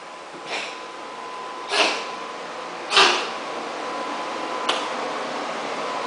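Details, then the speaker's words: Four short, dry, hacking cough bursts from a male cat, Asa, against quiet room noise; owner suspects hairballs, second episode in a week; cat cough (hairball). "okay, Asa? You okay, honey? You got some hairballs there?"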